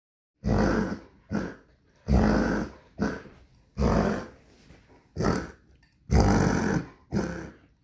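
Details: Dog gives repeated harsh, honking cough bursts in pairs; owner suspects kennel cough and is calling the vet; harsh honking cough.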